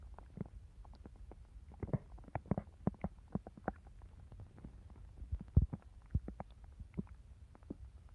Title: Opal's stomach growling